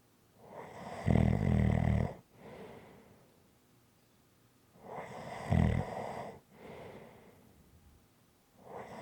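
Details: Relaxing snoring recording: loud, rattling snores on each in-breath with softer out-breaths, about 13 breaths a minute; ordinary snoring.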